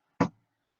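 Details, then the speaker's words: In a physiology lecture on the cardiac cycle, the lecturer imitates the first heart sound (S1) with a single short, dull finger tap. S1 is the normal sound of the mitral and tricuspid valves closing together. "cosas mi primera tarea va a ser identificar el primer ruido otra vez fíjense porque dura 1000 milésimas de segundo simplemente le sigue haciendo está mi dedo y es así"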